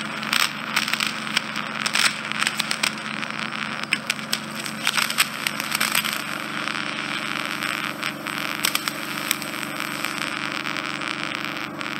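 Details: Endoscopic suction of a male's right ear canal, GP-referred, which was occluded by dead skin and debris and was narrow, smelly and infected, using a finer instrument: harsh hissing suction with crackling pops and steady hum.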